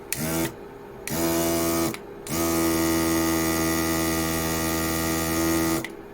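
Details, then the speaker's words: Battery-powered electric nasal aspirator being tested on a finger: steady low motor hum, switched on briefly twice, then run for several seconds, quiet with strong suction. "this thing is quiet wa and it has really good suction look at my finger"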